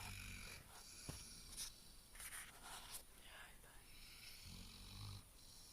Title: Labrador snoring (My Sweet Dog )